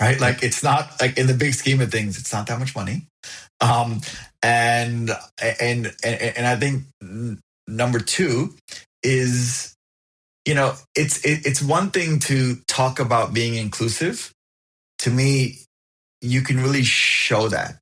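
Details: Adult man living with a stutter who found a stuttering support group at 28 and moved toward acceptance; stuttering.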